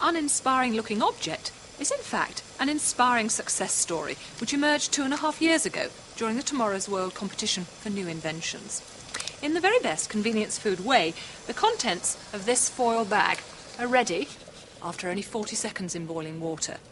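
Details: Adult narrator; normal speech.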